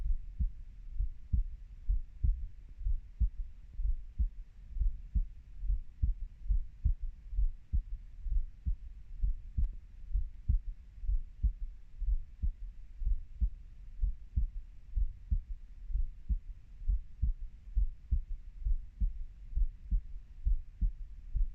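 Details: Normal heartbeat of a 30-year-old, own recording: steady low thumping at about 65 beats a minute, paired lub-dub sounds with a faint hum.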